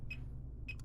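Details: Fingertip pulse oximeter beeping with each heartbeat during a side-by-side heart rate comparison with a realme Watch 5 smartwatch after recent activity: two short electronic beeps about 0.6 seconds apart, pulse near 100 a minute; readings around 96–106.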